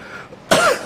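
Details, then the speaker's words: Cough from an adult male lecturer who apologises that his voice is somewhat hoarse and he is coughing a little after straining his voice for several days. "pertama saya mohon maaf suara saya ada agak serak Kara di samping agak batuk juga difororsir beber hari ini"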